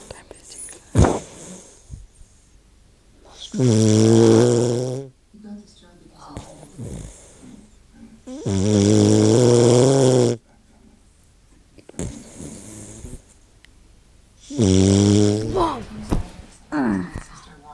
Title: OMG snore doggy